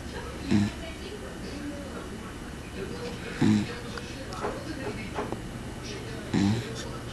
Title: cat snoring